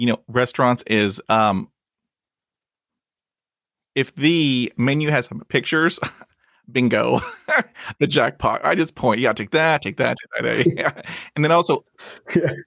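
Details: Adult man who stutters, a podcast host; he reports blocks and repetitions in his own speech; stuttering.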